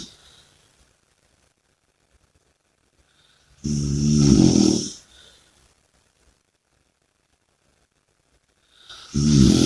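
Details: Loud, low, rattling snores with long quiet gaps and a soft breath between them; typical heavy snoring during sleep.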